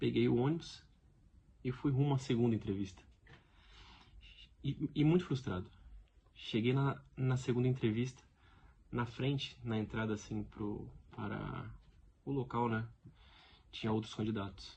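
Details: Real adult man who has stuttered all his life, reports blocks, and lives with it daily. The finding is stuttering, in Portuguese speech.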